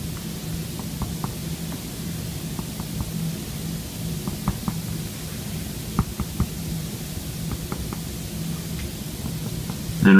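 Soft, brisk finger taps on an adult's back, in quick pairs and small groups over a steady low hum, giving a normal resonant percussion note.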